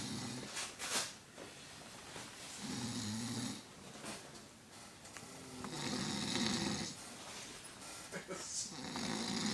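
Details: Snoring from a very tired sleeper: rhythmic, rough, rattling snores on each breath, about 20 breaths a minute.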